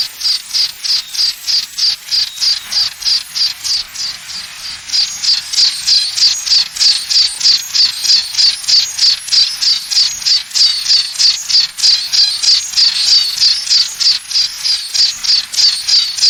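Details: Simulated tinnitus sound: rapid high-pitched chirping pulses repeating steadily, insect-like ringing.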